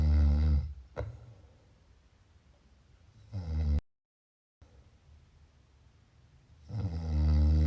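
Deep, rumbling, vibrating breaths with quieter breathing between, about one every three seconds: loud snoring during sleep.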